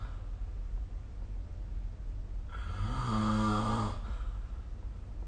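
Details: Snoring recorded with the SnoreLab app: one loud, low, rattling snore on a breath in, over a steady low background hum; ordinary snoring.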